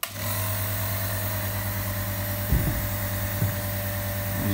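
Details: Nebulizer compressor running for a sick cat placed inside a homemade sealed nebulizer box enclosure to receive inhaled medicine: steady loud low mechanical hum with a few brief knocks.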